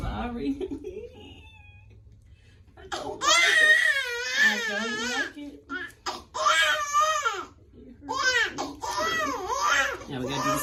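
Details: A newborn boy getting his first vaccination shots in the legs gives intense, rising wails in bursts with short gasps between; pain crying after injection, soft music behind.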